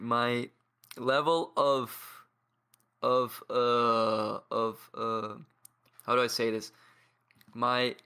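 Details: Stuttering in a 22-year-old man who has stuttered as long as he can remember, has blocks, and practises daily with a community of people who stutter.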